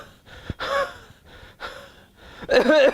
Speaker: And in cassia, one of the very interesting thing is the cough always precedes the asthma. So how will you get that?